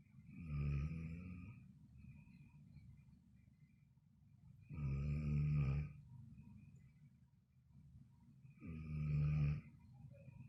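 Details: Snoring: deep, vibrating snores roughly every four seconds, about 16 a minute, with softer breath sounds between; ordinary snoring.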